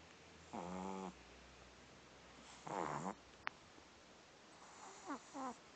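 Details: Sleeping French bulldog puppy snoring lightly in a quiet room: a few soft, drawn-out nasal snore sounds on breathing.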